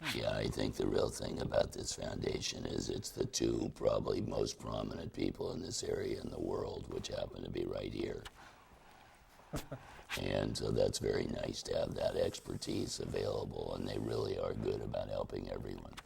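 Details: Laryngectomee who formerly used an electrolarynx and now speaks through a tracheoesophageal puncture; tracheoesophageal speech after laryngectomy.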